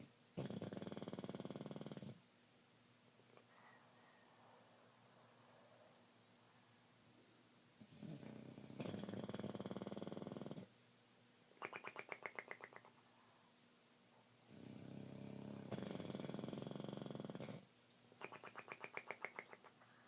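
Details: Snoring while in bed: loud rasping snores on each in-breath, about three in twenty seconds, with softer whistling sounds between them.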